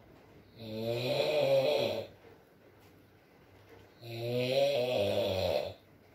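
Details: ASMR recording of a sleeping man (boyfriend) snoring, with rain in the background: two long, deep, rattling snores on the in-breath, about 20 a minute, with quiet breathing between; ordinary snoring.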